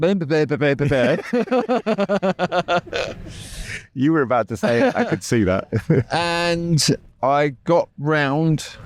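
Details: Adult male speaker; normal speech.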